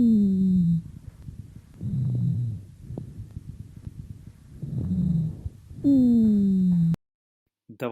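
Low, snoring, buzzing musical sounds over breath noise: rhonchi, from secretions narrowing the larger airways.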